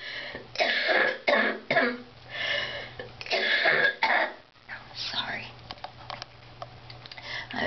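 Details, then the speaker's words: Sick adult with a severe cough, possibly heading to the ER today; cough. "be heading to the ER today that cough is like kicking my ass"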